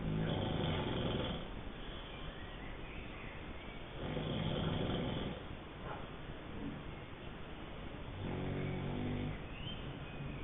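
Low rough rattling breaths rising and falling in regular cycles over a steady noise background, typical of snoring.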